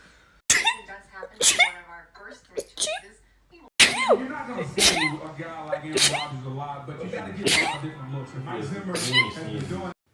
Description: Short compilation of rapid sneezes